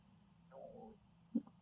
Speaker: Oh gosh, that was my stomach. I hope you didn't hear that.